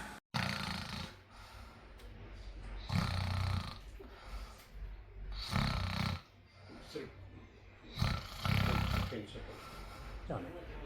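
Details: Loud, rumbling snores about every three seconds as a sleeping adult, a consenting patient, breathes in, with quieter breathing between; snoring versus obstructive sleep apnea; snoring.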